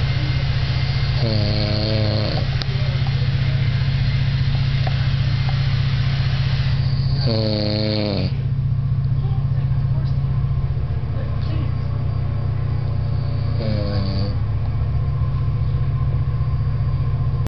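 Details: An old man snoring, unaware that he snores: three loud, rasping snores about six seconds apart over a constant low engine-like hum; ordinary snoring.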